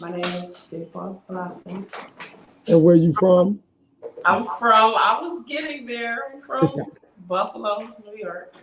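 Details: Adult woman in conversation; normal voice.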